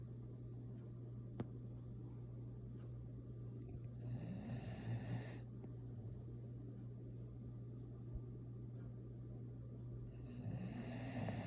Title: Adley the Bulldog being cute. Snoring logs!